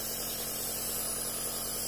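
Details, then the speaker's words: Steady loud hissing, motor-like hum of an Omron NE-C28 compressor nebulizer running while medication is misted for inhalation. "Jadi ini adalah suara yang dihasilkan dari kompresor nebulizer Omron ya. Suaranya lebih keras seperti uap ya, tenaga angin."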